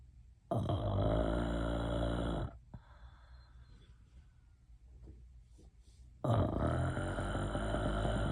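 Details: Snoring: two loud, rattling snores on long inhalations about six seconds apart, with quiet breathing in between.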